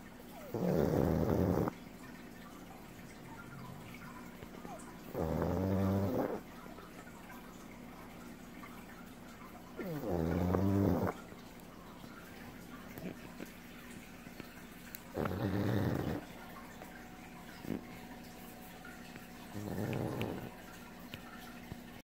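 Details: Pug sleeping on a lap: five loud, rumbling snores on in-breaths, about 13 a minute, with quiet pauses between; snoring.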